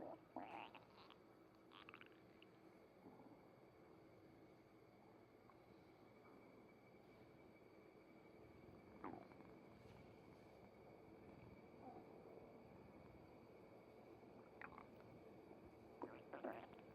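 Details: Tabby cat's stomach noises: low gurgling and squelching rumbles with a few sharper bubbling pops over a steady hiss; bowel sounds (borborygmi).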